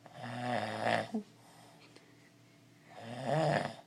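Two loud, rough, fluttering snores on the in-breath about three seconds apart, with quiet pauses between; ordinary snoring.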